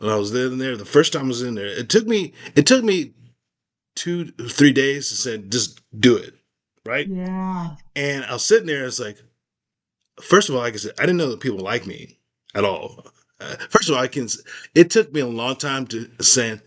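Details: Post-stroke aphasia in an adult man, recorded in conversation; aphasia.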